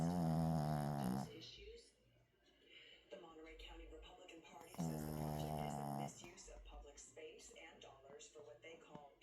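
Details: Snoring: two loud, low, rattling snores several seconds apart, with faint room noise between them.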